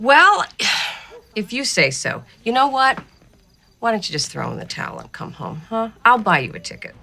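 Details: Adult woman, acted film dialogue; no disorder.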